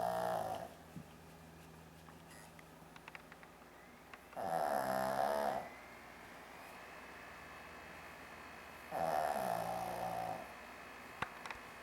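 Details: Snoring from a sleeping Shih Tzu dog: loud, rattling, person-like snores, about 13 per minute, with quiet pauses between them.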